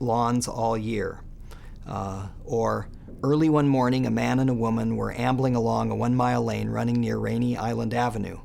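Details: Adult male speaker; read speech, voice assessment sentences.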